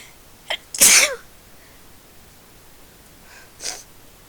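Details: A person attempting thirty sneezes in a row on request: a sharp inward catch, then a loud explosive sneeze and a softer second sneeze; ordinary sneezing.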